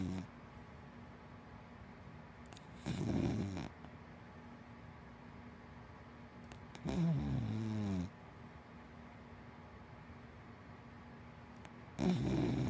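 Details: Three loud, rattling snoring breaths from a sleeping big black dachshund–black Labrador mix dog over a quiet, steady room hiss; dog snoring.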